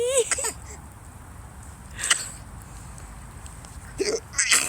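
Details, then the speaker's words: Father's sharp, abrupt gulping hiccups about two seconds apart, with his son's giggling in between; hiccups. "okay what's going on here Daddy has the hiccups and they make giggle"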